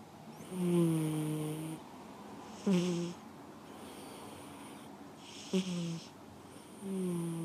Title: panda snores